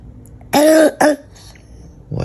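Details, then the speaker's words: Two loud, harsh coughs from a sick child woken at 3 a.m., the first long and voiced, the second short, in a quiet room; the child is hoarse and breathing loudly, a severe cough. "的乖，你这什么声音啊？这个咳嗽，这太吓人了吧！"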